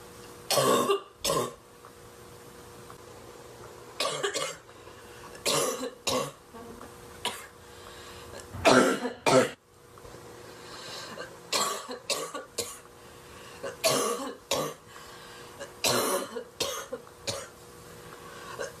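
An adult woman has a fit of harsh, loud coughs in clusters of two or three, with brief pauses.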